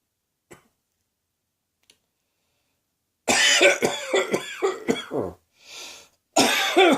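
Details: Rough, harsh burst of several coughs with throat clearing, a short breath in, then another coughing fit. A person woke with a sore throat and began coughing soon after; possibly the start of a summer cold.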